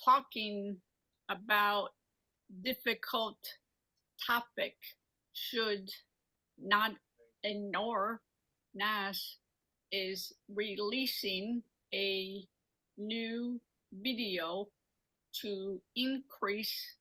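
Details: Woman, a mother, with aphasia and apraxia of speech after a stroke at age 45; speaks Marathi, Hindi and English, with words sometimes coming out mixed; aphasia with apraxia of speech.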